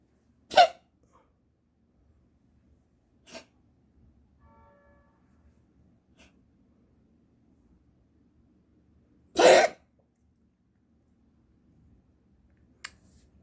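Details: Two short sharp coughs several seconds apart, with fainter ones between, from a cat in a quiet room, recurring again in the morning; the vet found nothing abnormal, and the owner suspects herpesvirus or feline asthma.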